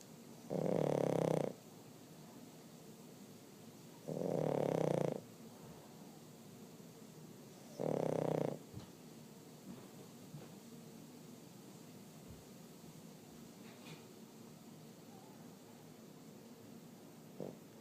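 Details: Three long, rumbling snores about every 3.5 seconds, each about a second long, with quiet breathing between them during sleep; snoring.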